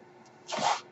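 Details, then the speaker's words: The male podcaster's own mechanical ventilator, audible in the background as he speaks; a mechanical ventilator breath. "my name is that noise he carries my ventilator and thank you"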